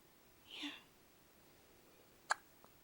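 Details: Soft breathy sound followed by a single sharp, brief glottal click in a quiet room: hiccups.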